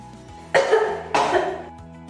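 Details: Two acted coughs, possibly muffled by a mask, over steady background music, in a hospital cough-etiquette demonstration advising coughing into a mask.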